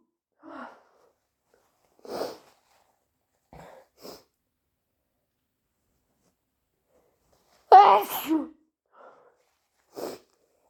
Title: Super wet sneezes plus a snotty nose blow